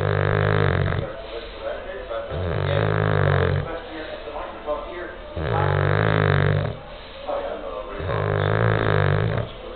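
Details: Bulldog, described as stressed out, snoring: loud, coarse, buzzing, vibrating snores on each breath in and out, about 25 breaths a minute.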